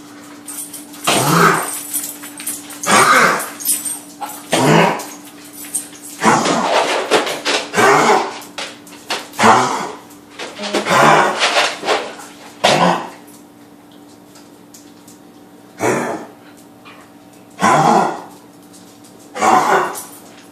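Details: A dog coughing repeatedly in harsh bursts, about a dozen over twenty seconds, with a steady hum behind.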